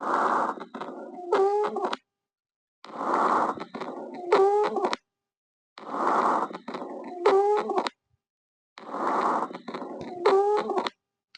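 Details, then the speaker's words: Auscultation in an obstructive airway patient such as COPD or asthma: repeated breaths, each ending in a high musical whistle; polyphonic wheeze. "उस obstruction की वजह से जो limitation की वजह से म्यूजिकल साउंड सुनाई देगी उसको अपन पॉलिफोनिक जज बोलेंगे"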